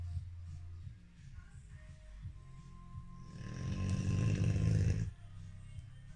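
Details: Low rumbling breath noise building into a loud, fluttering two-second snore over quiet background; snoring in Brownie.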